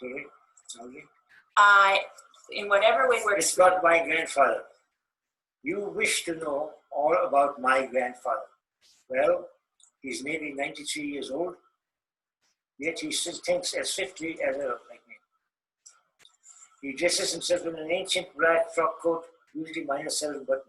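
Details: Male client with Parkinson's disease reading the Grandfather Passage while using speech-therapy strategies (bigger breaths, louder voice, more pitch variation, slower rate); hypokinetic dysarthria, treated speech.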